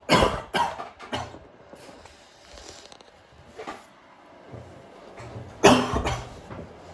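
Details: A quick run of three short coughs, a pause with a faint sound, then two more coughs in a quiet room: occasional mild coughing.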